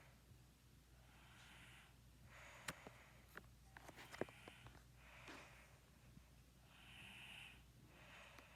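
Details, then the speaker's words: Female cousin asleep at 12:51 a.m.: irregular snorting breaths every few seconds, with occasional clicks and rustles in a quiet room; snoring during sleep. "Hey y'all, it's 12:51 in the morning, 12:51 a.m. and today my cousin is snoring. So since she catch the video of me snoring, I'm gonna catch a video of her snoring."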